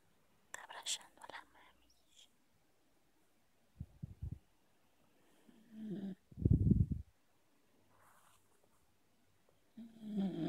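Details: Sleeping female beagle hugging owner, giving a few short, low, rattling snores and snorts at irregular gaps, with a whisper early on; dog snoring while asleep.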